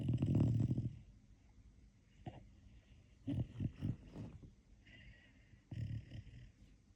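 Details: Snoring in a sleeping dog: irregular snorting, rattling breaths, loudest at the start and fading.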